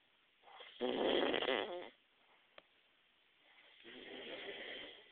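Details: Man snoring loudly enough to wake someone in the next room: a loud rattling inward snore, then a softer breath out after a pause.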